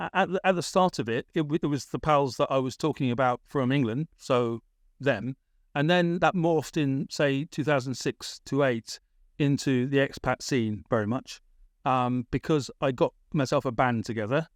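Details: Adult British man with a persistent stammer, a big issue around age 28-29, treated with speech therapy in Britain; word repetitions: stammering.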